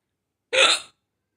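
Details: A mother's single hiccup: one abrupt, sharp voiced gulp with a breathy release.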